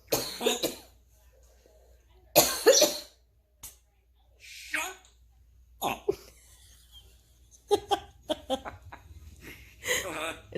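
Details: An African grey parrot imitating human coughing, learned after two weeks with the household coughing from Covid-19; several short cough-like bursts with chattering between, not illness.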